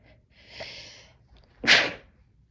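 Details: A hissing in-breath followed by one sharp, explosive sneeze; sneezing.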